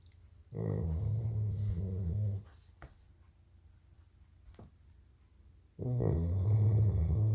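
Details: Dog snoring during sleep while napping: deep, rumbling snores with long pauses between them.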